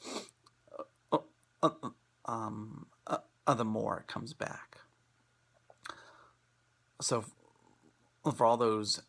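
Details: Presenter who stutters, giving a talk on acceptance and commitment therapy for people who stutter; stuttering.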